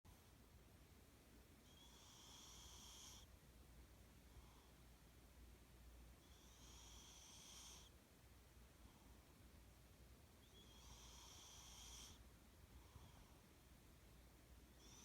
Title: My cat snoring!